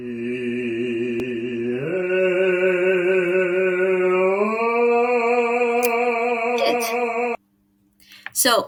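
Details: Improved singing voice in a male patient after vocal physiotherapy for muscle tension dysphonia; he reported feeling more resonant, no more restriction, and a much smoother voice.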